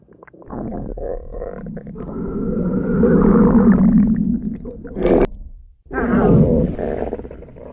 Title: A Stomach Growl At The Sleepover - Part 2 (Request)